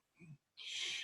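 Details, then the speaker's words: A short throaty grunt, then a sharp breathy cough from an adult with chronic cough due to histoplasmosis, a fungal lung infection with lung nodules. "you get there what's called the chronic cough now you'll hear me cough that's what it's from you learn to live with it"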